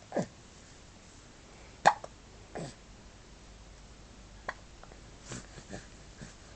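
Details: Hiccups: short, sudden hiccup sounds repeating at uneven intervals against faint room noise.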